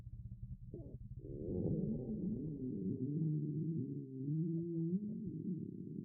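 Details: Listening to a girl's stomach: low, drawn-out gurgling rumbles with shifting pitch; ordinary stomach growling (borborygmi).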